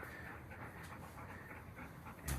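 Steady rapid open-mouthed breathing from a dog, a continuous panting rhythm with room noise.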